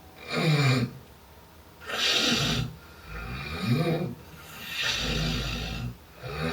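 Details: Heavy snoring in a man, described as fairly severe: loud, rough snores with each breath, about 19 breaths a minute.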